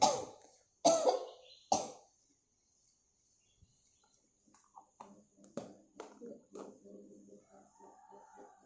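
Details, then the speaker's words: Simulated pre-operative nursing practice with a role-played adult female patient: after deep breathing, three strong deliberate coughs in quick succession, then quiet and soft talk; an effective-cough exercise to clear sputum. "Ibu, saya akan melakukan tindakan batuk efektif biar Ibu batuknya lancar ya Bu."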